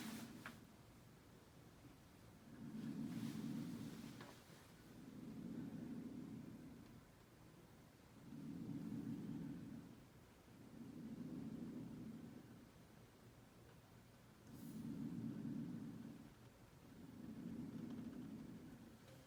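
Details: Normal vesicular breath sounds on a patient simulator, auscultated posteriorly with a stethoscope: soft, low rustling in even in-and-out pairs, about ten breaths a minute, clear in all lobes bilaterally.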